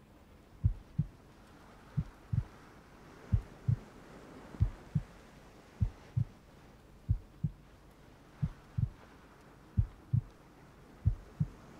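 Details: Slow, steady lub-dub heartbeat at about 46 beats a minute over soft rain ambience in an ASMR roleplay recording; normal heartbeat.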